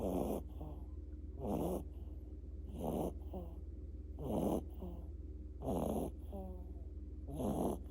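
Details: Regular rasping snores with short snorting sounds between them, about 41 a minute, over a steady low hum: snoring.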